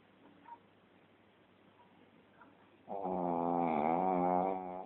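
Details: Quiet breathing, then a loud, drawn-out, buzzing snore with a whistling edge from a shih tzu; snoring in a small flat-faced dog.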